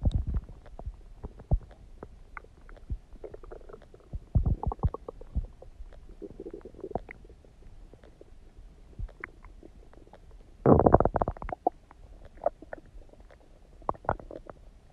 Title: Tummy Gurgling Sound | My stomach makes noises